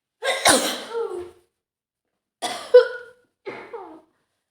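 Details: Three forceful sneezes in quick succession from a woman with a bad cold, each a sharp burst with a voiced tail; a loud, desperate sneezing fit in a staged roleplay scenario.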